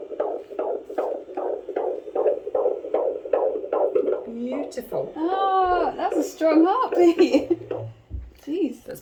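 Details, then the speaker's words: Doppler at a midwife appointment, pregnant woman with rhesus-negative blood: fast, regular whooshing pulses of a fetal heartbeat, about 155–156 a minute, described as strong; fetal heartbeat. "we got to hear the baby's heartbeat which was just so nice to listen to"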